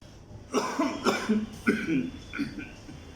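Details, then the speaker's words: An adult gives about four short, voiced coughs in quick succession, acted for a cough syrup commercial audition. "लगता है आपके पूरे परिवार को खांसी है, पड़ोसियों को भी और मोहल्ले वालों को भी।"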